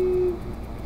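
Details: Patient 6 months after total thyroidectomy with right vocal fold paralysis and a glottic gap from incomplete closure, during 70° video laryngoscopy; high-pitched phonation attempt; dysphonia from unilateral vocal fold paralysis.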